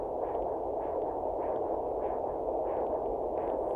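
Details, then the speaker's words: Doppler of the demonstrator's own radial artery before the blood pressure cuff is inflated: rhythmic whooshing pulses over hissing noise, about 95 a minute, a strong normal pulse. "So what I brought in here today is a Doppler blood monitor, and that's gonna let you hear the blood rushing past in my radial artery."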